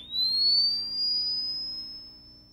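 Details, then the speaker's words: Charging tone of an automated external defibrillator (AED) in a training demonstration, charging for another shock when a shockable rhythm persists: a pure high tone rising steadily in pitch. "If the patient still has a shockable rhythm, the Vital Link will charge itself for another shock. >> Charging."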